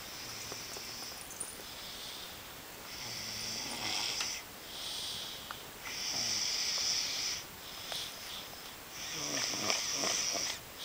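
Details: Heavy snoring at night: repeated hissing, whistling breaths with soft low snorts over background hiss.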